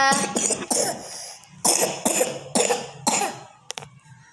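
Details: A child (the nephew) coughing: a run of about six sharp, separate coughs, then two brief clicks and quiet room noise.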